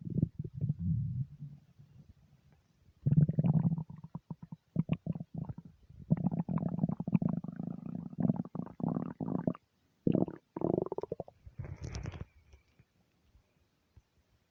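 Low gurgling and rumbling bowel sounds coming in long bubbling runs, ordinary stomach rumbling.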